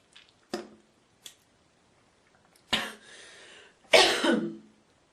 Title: girl coughing, Hocking and spiting❣️